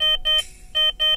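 A series of short, clear electronic beeps in pairs, from keypad presses on a diaphragm pacing transmitter while unlocking and muting alarms.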